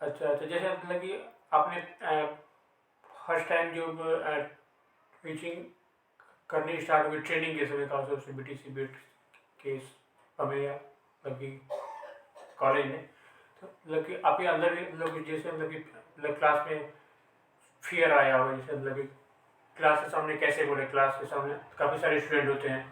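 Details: Man who stammers, asking a question in a Hindi conversation about stammering, real speech with hesitations; stuttering.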